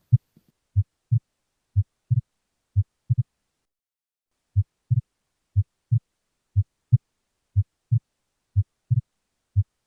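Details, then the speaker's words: Exaggerated splitting of the second heart sound, stethoscope auscultation teaching recording; regular heartbeat near 60 a minute with each second sound clearly doubled and widely split. "This is the Splitting of Second Heart Sound When we hear this kind of sound it indicates Exhagerated Splitting"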